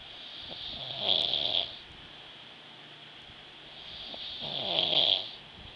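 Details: Snoring from a sleeping person.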